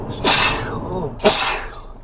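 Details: Two sharp, explosive sneezes about a second apart from an adult male Uber passenger who sneezed 21 times in a row, over low steady car noise; sneezing.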